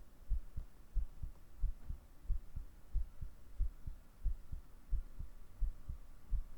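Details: Heartbeat recorded with a 3dio binaural microphone for an ASMR cuddling roleplay, lying in grass: soft, regular low thumps about 90 a minute under faint hum; normal heartbeat.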